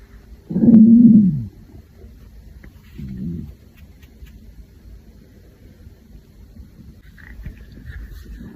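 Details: Hungry girl's stomach growling: a loud, low gurgling growl followed by a softer rumble a couple of seconds later, with quiet between; ordinary borborygmi.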